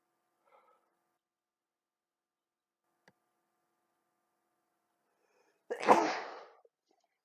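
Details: Single loud, sharp sneeze after near silence, from a person who has been unusually sneezy all day and doesn't think they are sick or allergic.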